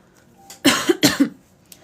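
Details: Pregnant woman with a persistent cough she describes as a pregnancy symptom; two short, harsh cough bursts in quick succession in a quiet room.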